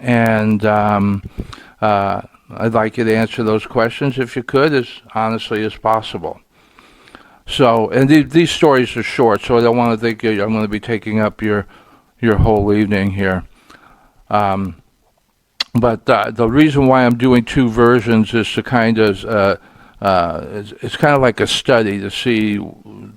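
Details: Stuttering in an adult man, which he says is audible here and links to being frustrated that day.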